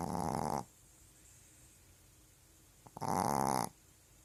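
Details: Pet dog snoring while asleep: two loud, rattling snores about three seconds apart with quiet breathing between.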